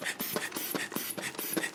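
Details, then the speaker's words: Blood pressure taken by stethoscope auscultation on a male patient, with the cuff deflated far too quickly to hear the heartbeats properly: a demonstration of incorrect technique. "actually so you can go way too fast that's way too fast you wouldn't be able to hear the heartbeats effectively"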